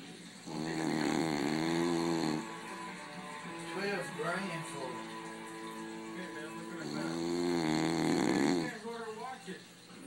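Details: Snoring sound.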